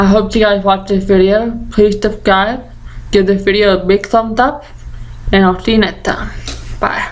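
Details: Deaf 20-year-old woman with Usher syndrome and an ataxia she says affects the basal ganglia, present since childhood: deaf speech with ataxic dysarthria.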